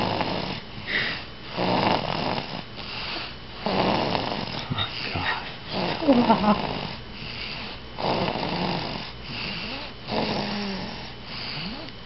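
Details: Steady, rough, rattling snores repeating with each breath, some with a faint whistling edge; ongoing snoring.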